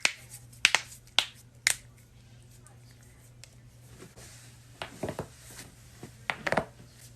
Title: joints cracking compilation (neck/back/knuckles/toes/ankle)